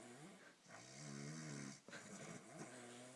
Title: Crazy Snoring!